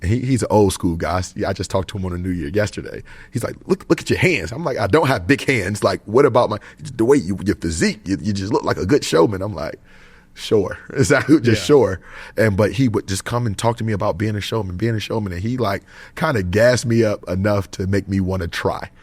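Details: Adult male basketball player who says he still stutters sometimes when he talks and dislikes public speaking; mild word and part-word repetitions audible; stuttering.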